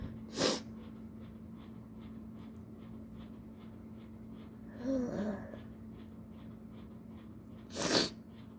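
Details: Custom-ordered recording of a person with allergies using a newly opened nasal snuff (chikkni): two sharp, explosive sneezes with a gasping build-up between them, over steady room hum; the snuff tickles and burns.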